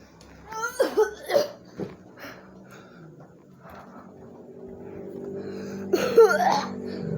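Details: Quick run of about four short coughs, then a steady hum and another cough burst, in a smoky house.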